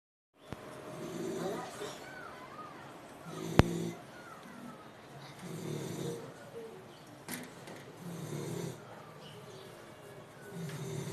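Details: A sleeping American bully dog snoring: low rumbling snores every couple of seconds with breathing between them, plus a couple of sharp clicks.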